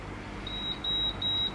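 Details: Microlife A2 Classic automatic blood pressure monitor with upper-arm cuff: three short high-pitched electronic beeps as a measurement starts; a normal device signal.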